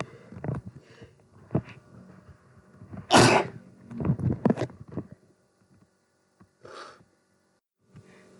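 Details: Repeated sneezing from a person who may be becoming sick: one loud, sharp sneeze amid quieter breathy sounds, then a smaller sneeze-like puff.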